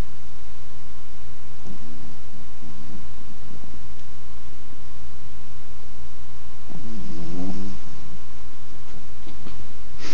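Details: A 9-month-old Pomapoo dog asleep, giving two soft, fluttering snores over a steady low hum: quiet sleep snoring.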